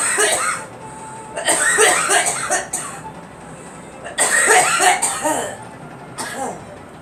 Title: Girl coughing